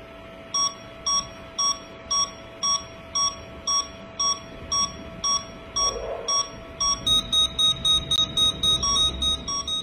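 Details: Electronic apex locator during root canal working-length determination: regular beeps about two per second, rising in pitch and quickening as the file nears the canal end.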